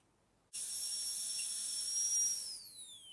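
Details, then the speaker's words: Steady high-pitched whine of a high-speed dental drill with a flat tapered burr, pitch falling as it winds down, cutting axial depth grooves on tooth 46 for 1.2–1.5 mm buccal/lingual reduction, metal-ceramic crown preparation demonstration. "So we need about 1.2 to 1.5 mm reduction in the axial surface of the tooth, buccally and lingually. I am going to use a flattened tapered burr for this preparation."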